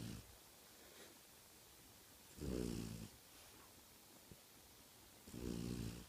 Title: Snoring French Bulldog